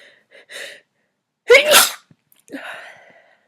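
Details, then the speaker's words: Girl acting out trying to stifle repeated sneezes while hiding, with a tickly, runny nose: a quick catching in-breath, then one loud explosive sneeze and a breathy exhale; acted sneeze. "Oh, my nose is running. Nose is running. God, I have to sneeze again. I have to sneeze."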